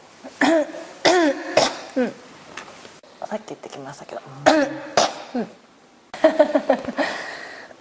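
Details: Repeated hacking coughs with throat clearing in clusters with little rest between, a cough that will not stop; persistent cough.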